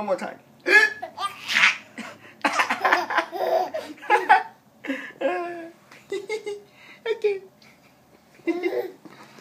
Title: Cute baby laughing at hiccups